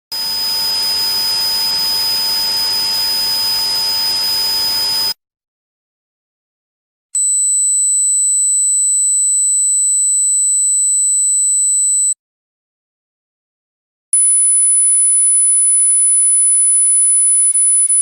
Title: Sound of Tinnitus